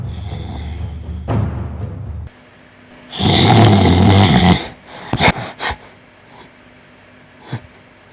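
A loud, harsh, rattling inhaled snore with snorting breath noises afterward, following a brief stretch of music: snoring.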